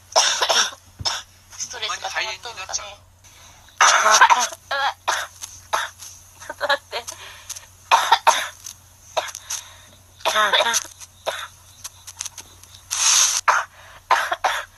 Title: girl coughing fit !!!